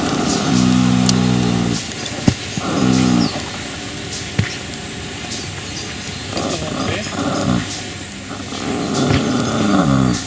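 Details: Loud, low, rattling snores recur every few seconds with steady background noise between them, from a sleeping 3-month-old draft colt (Dutch Draft dam, Shire sire): normal snoring.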